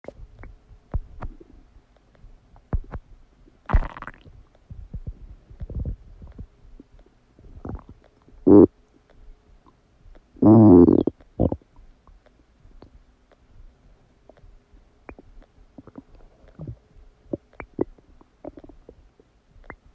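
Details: Stomach sounds recorded after eating a cheeseburger: scattered gurgles and pops with a few louder, drawn-out rumbles, normal digestive borborygmi after a meal.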